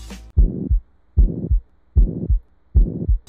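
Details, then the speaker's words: Ventricular septal defect in a newborn: regular heartbeat near 75 a minute with a harsh murmur filling the whole gap between beats. "That's a virricular septile defect in a newborn."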